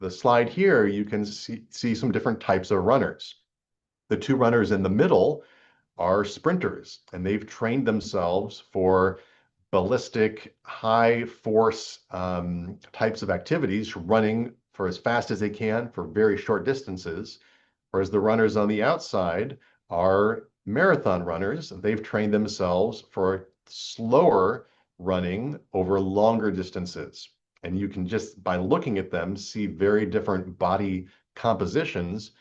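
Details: Adult male lecturer; normal adult voice.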